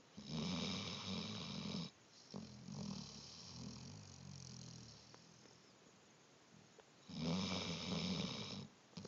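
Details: Loud rattling snoring on the in-breath, two snores of about one and a half seconds each separated by quieter breathing, recorded in a small room; snoring.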